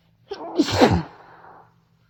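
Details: Sneeze while sick with a cold, after trying to hold it back: a brief drawn-in breath, then a sharp, forceful voiced burst that trails off.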